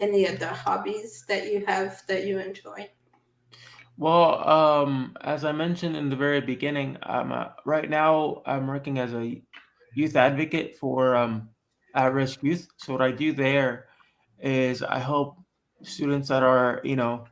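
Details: Adult man born with cerebral palsy who says he talks differently from others; dysarthric speech in cerebral palsy.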